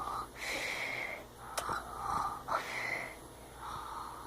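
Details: Fake snoring: repeated whistly, nasal breathing sounds with a wheezy tone, made by someone pretending to snore, a playful imitation rather than real sleep breathing.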